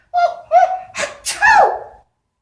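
A voiced build-up of a few catching breaths ends in a forceful, hissy sneeze burst.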